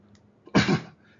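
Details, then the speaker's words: Single harsh cough burst from an adult man who says he is having an awful time with allergies, with coughing and wheezing. "is the coughing and wheezing. I am having an awful time with allergies."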